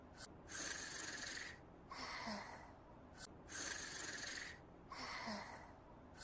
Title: Himouto! Umaru-chan: Umaru snoring